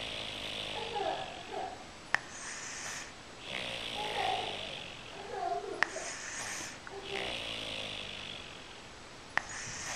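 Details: Rhythmic, rattling snores on each in-breath, about three every ten seconds, with a few sharp clicks in the background, from someone sleeping until nearly eight in the morning; snoring.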